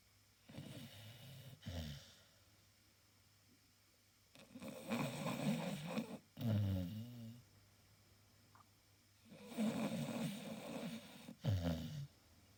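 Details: Sleeping Staffy (Staffordshire terrier) snoring: irregular snuffling snores with snorts, about 12 breaths a minute; harmless dog snoring.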